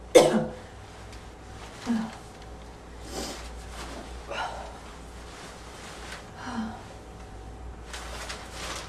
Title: Slight wheezy barking cough